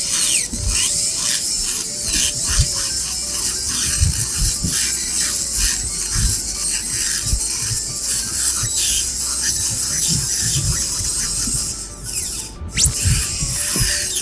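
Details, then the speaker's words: Continuous hissing water spray, high-pitched whine and rhythmic ticking as an air rotor with a small round bur removes caries for a class I composite restoration, air rotor noise present for demonstration; dental spray and handpiece noise. "please ignore this uh noise of this air RoR as I use it for demonstrate vide only"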